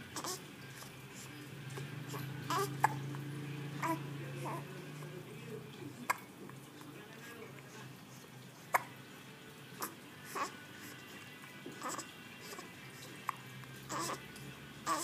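Brief sharp catches recur every second or two over soft babbling and room hum, consistent with hiccups.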